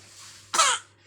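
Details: Infant cough: a single brief, high-pitched cough burst from a baby, with a steady low hum in the background.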